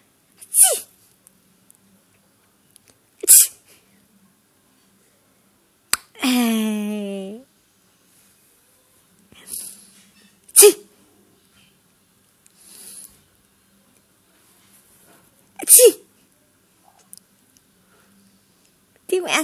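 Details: Several sharp, isolated adult sneezes from the mother in a quiet room, with one short voiced sound partway through. A baby smiles at them.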